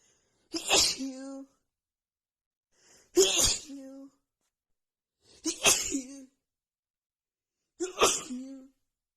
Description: OMGGG i literally just could not stop sneezing. Hayfever just sets my nose of really bad!!!